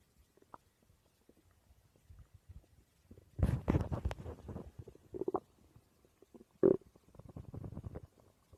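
Low gurgling growls come in bursts, with a loud rumble in the middle and a sharp squelch after it: ordinary stomach growling.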